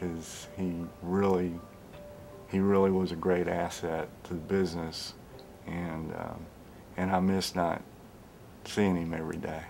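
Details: Adult male speaker; speech.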